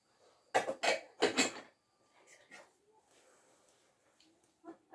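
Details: Simulated nursing-practice demonstration of deep breathing and effective cough with a role-played patient: a few deliberate, forceful coughs in quick succession to clear the airway.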